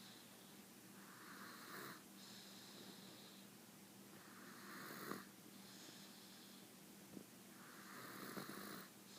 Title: The Snoring Princess